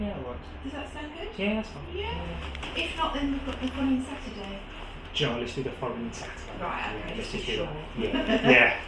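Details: Adult speaker in conversation; typical speech.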